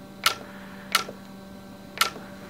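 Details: YAG laser vitreous floater treatment: three sharp clicks less than a second apart over a faint hum as shots fire at the floater.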